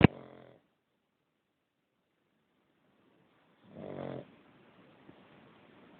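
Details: Sleeping cat snoring: a single soft, rattling snore on an in-breath, with a short noise at the start and quiet room hiss.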